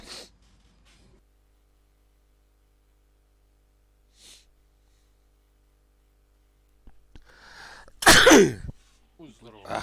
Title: Loud and sexy Sneezing Man Gaming / Стример чихает громко и сексуально / Стрімер чхає